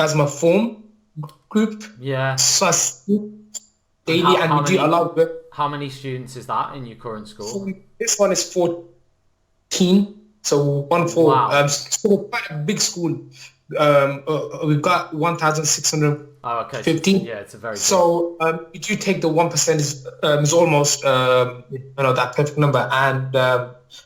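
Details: Adult male maths teacher with a lifelong stammer that mainly blocks on certain words or sounds and is worse when nervous; stammering (stuttering).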